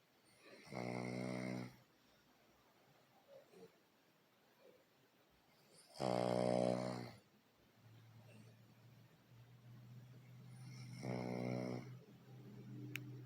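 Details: Loud, buzzing inspiratory snores, three over about 13 seconds, roughly 14 a minute, with quiet room noise between; the snorer is called "baby boy" and may be one of the mother's dachshunds; snoring.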